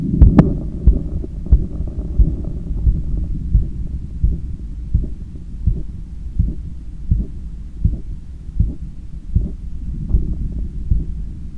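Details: Normal heart sounds via stethoscope after a 10 km run, lying on left side: strong fast heartbeats about 90 a minute under steady rumbling breath noise while trying to control breathing.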